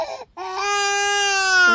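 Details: A short whimper, a brief catch of breath, then one sustained, rising wail; infant crying.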